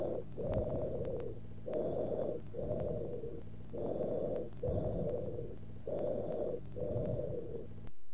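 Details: Bronchial breath sounds, with prolonged expiration and a gap between inspiration and expiration noted.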